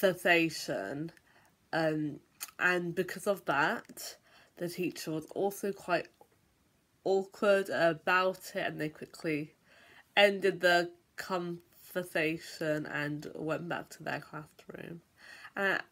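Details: Stuttering (stammering) in an adult.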